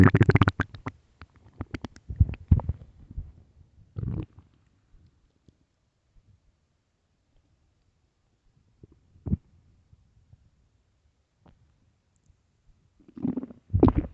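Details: Early-morning stomach growls: low gurgling growls in bursts with quiet gaps; normal bowel sounds (borborygmi).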